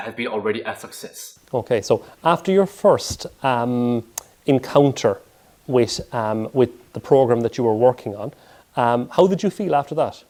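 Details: Adult male speaker; typical speech.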